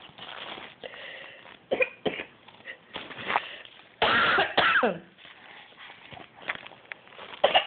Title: My 15mo old son mocking me coughing